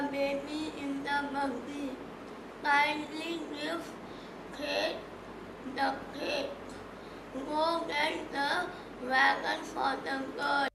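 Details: Child speaking; voice disorder in cleft palate (laryngeal overuse from glottal compensation).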